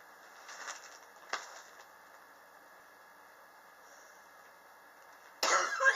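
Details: Soft coughs, then a loud harsh cough burst in a quiet room; chronic cough in a person coughing since summer 2016 and still in 2019, with medicine and home remedies not helping, blamed by the person on extreme indoor temperature changes.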